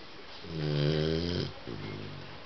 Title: Funny & Lovely Rosie snore